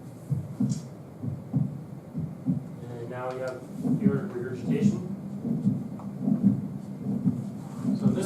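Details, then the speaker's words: Heart sounds at about 75 a minute with a soft blowing murmur after the second sound, from backflow into the ventricle after aortic valve closure (aortic regurgitation), plus a faint systolic murmur attributed to slight stenosis; played during a lecture. "after the a valve closes you're getting back float into The ventricle so you're getting turbulent sound after the Val closes"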